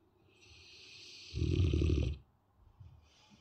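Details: Sleeping Dogue de Bordeaux: a soft breathy inhalation, then one loud, low, fluttering snore.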